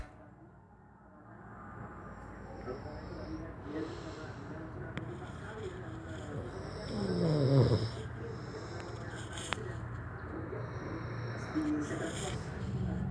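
A single loud, rough, rattling breath sound in the middle of steady room noise; a snore.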